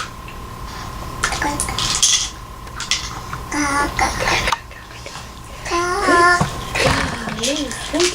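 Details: Voicing through a Passy-Muir tracheostomy speaking valve in a young girl with a tracheostomy.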